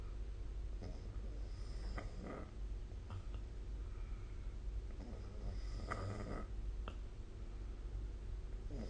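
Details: Soft, low rumbling breaths recurring every few seconds over a steady background hiss; snoring during sleep.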